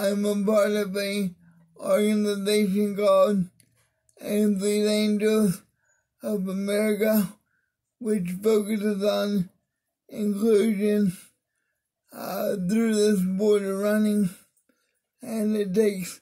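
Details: Mild dysarthria in an adult man with cerebral palsy of the spastic diplegia type, affecting his arms and legs; he attributes his different voice to it.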